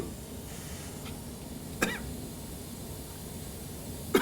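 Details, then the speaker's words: Adult man undergoing awake intubation for upper airway obstruction, inhaling lidocaine topical spray: one short, soft, expected cough in a quiet room. "that's going to cause you to cough yep so that's normal a good cough there"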